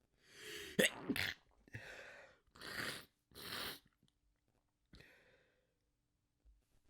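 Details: Several stifled, desperate sneezes, some held back, with sharp breaths drawn in before them; sneezing.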